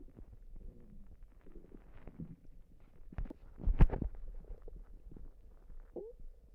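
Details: Stomach rumbling (borborygmi): low gurgling and bubbling belly rumbles, louder for a moment midway, with a brief squeak near the end.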